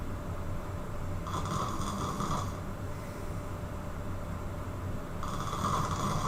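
Low rumbling with two louder rasping snore bursts over steady background noise; loud snoring during sleep.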